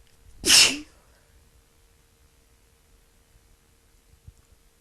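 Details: Person sick again with a cold: a single sharp, hissing sneeze burst followed by quiet room noise; one rough cold sneeze.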